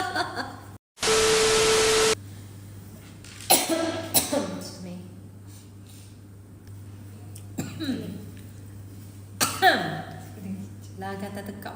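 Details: Adult woman asked to cough gives a few short, voiced coughs, saying her throat is dry: dry cough.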